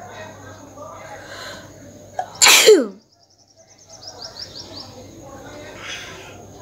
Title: Nose blowing and sneezing with the amount of snot collected(requested video)